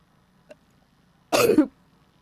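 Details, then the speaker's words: Single short, harsh cough from an adult man with a cold, after a faint click in a quiet room; he almost sneezed but coughed instead. "All right, I coughed instead of sneezing."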